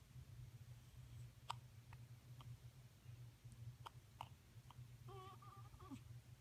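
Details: Hiccups: several brief, sharp, regularly spaced clicks over a low room hum.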